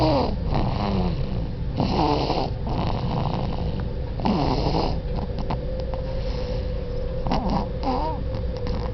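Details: Baby snoring, described as very loud: soft, repeated, snuffly snoring breaths over a steady low background hum; baby snoring.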